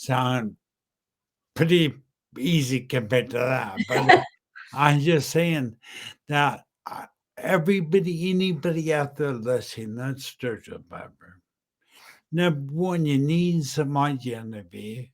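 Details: Adult male stroke survivor about 10 years post-stroke: apraxia of speech with dysarthria, identified by his mentor; speech was totally unintelligible at first and remains impaired.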